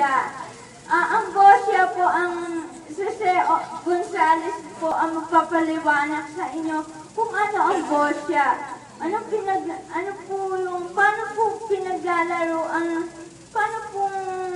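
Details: Adult woman with cerebral palsy speaking Filipino. Dysarthria (cerebral palsy).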